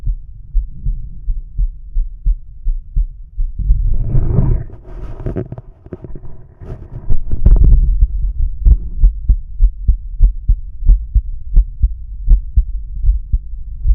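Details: Normal male heart sounds heard through a stethoscope diaphragm, moving from aortic to pulmonic, Erb's point, tricuspid, then mitral/apex: regular low thumps with a stretch of rubbing noise midway.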